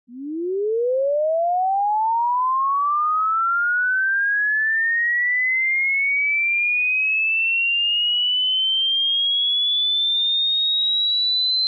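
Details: Hearing test tone: a pure steady tone gliding smoothly from low to high pitch; hearing it until the end is considered normal.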